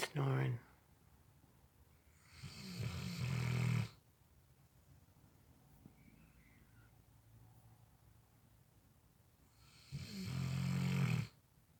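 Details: Cane Corso (Italian Mastiff) dog sleeping: loud, rough, rumbling snores on inhaling, spaced several seconds apart with quiet pauses; snoring in a large dog.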